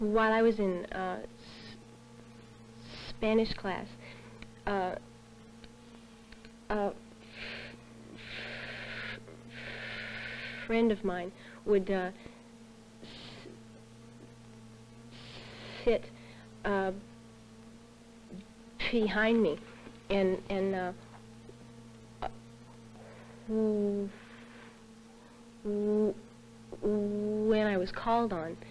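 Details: Adult in the early stages of stuttering group therapy, speaking with pauses and repetitions; stuttering.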